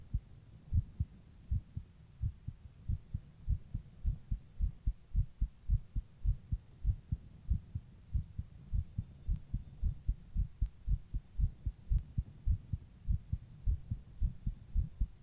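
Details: Person's own heartbeat while rebreathing in a plastic bag: steady, regular low thumps with faint background hum and no extra sounds.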